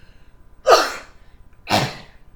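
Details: Man with Tourette syndrome: two sharp, explosive, involuntary cough-like vocal tics about a second apart; he says others often mistake these tics for sneezes.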